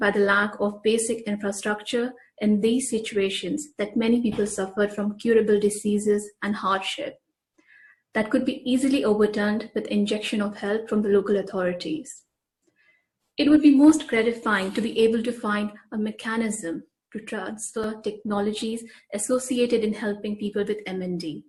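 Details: Adult woman speaking; typical speech.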